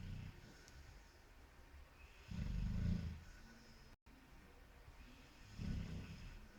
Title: Roncando / Snoring